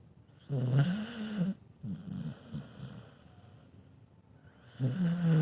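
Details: Low, rattling snores on each breath from a sleeping dog, with quieter breathing between them; snoring.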